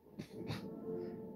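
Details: Two quick, dry cough bursts from an adult, attributed to cat hair, over steady background music; cough.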